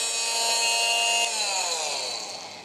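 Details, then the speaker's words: High-pitched whining motor that drops in pitch as it winds down: an oscillating electric cast saw that vibrates rather than cuts skin, used to remove a child's cast. "for that we have to use this is the saw it's an electric saw it doesn't cut you can see"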